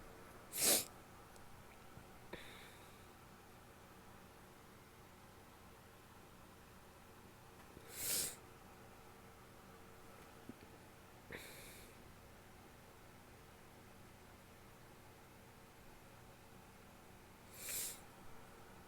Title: wet sneezes, two stifles, nose blow and show at end (f)